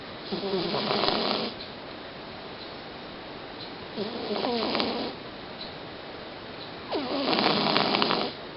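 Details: Male cat sleeping peacefully, snoring loudly: three loud, rattling snores, about one every three seconds, with quiet pauses between; snoring.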